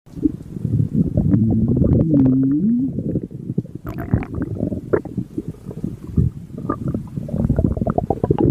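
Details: Mink (Minerva) stomach growling: low gurgling and rumbling with brief tonal squeaks; bowel sounds.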